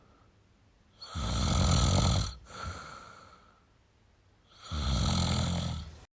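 Two long, harsh, rattling snores on the in-breath with a softer out-breath between them: ordinary snoring.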